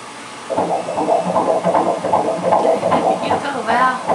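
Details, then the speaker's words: Fetal heartbeat at 18 weeks 6 days on ultrasound sonogram of a male fetus: rapid, rhythmic whooshing pulses at about 150 per minute as his beating heart and chest are seen. "So weird that you can see his heart beating, his little chest."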